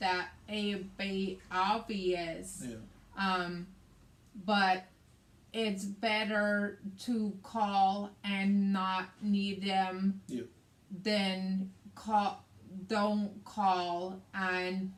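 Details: Woman with aphasia affecting speech, reading and writing, plus right-sided hemiparesis, after a hemorrhagic stroke on May 19, 2020 treated with brain surgery and ICU care; aphasia.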